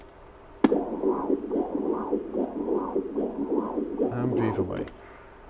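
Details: Echocardiogram of an adult male discus thrower, transducer moved to the left side for another view: rhythmic whooshing Doppler pulses with faint background hum, normal left ventricular filling flow.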